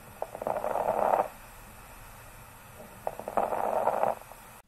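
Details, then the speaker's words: Two breaths with short, crisp crackling pops during inspiration on chest auscultation in a respiratory examination teaching demonstration: fine inspiratory crackles. "Added breath sounds include inspiratory crepitations. These can be fine,"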